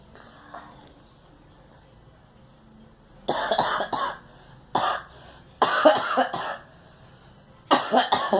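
A child coughs in several bursts, some single and some in quick runs of two or three, with quiet gaps between them.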